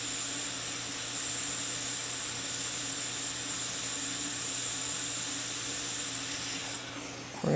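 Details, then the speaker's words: Steady loud suction hiss with a faint hum during an upper lip frenectomy on a female patient under local anesthesia. A Picasso Plus diode laser near the papilla between teeth 8 and 9 is raised 0.2 W to about 1.5 W; dental laser with suction. "i'm just going to bump it up another 0.2 watts i'm still only at 1.5 watts what i'm doing is just cleaning up these borders"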